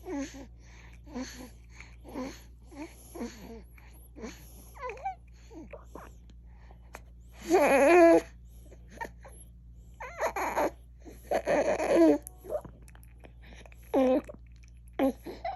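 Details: Infant makes repeated short, voiced gasping breaths with louder strained cry-like sounds in between; gasping breathing.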